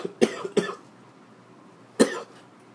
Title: Executive Order 13295 "Detain or Quarantine Americans" Bad Cough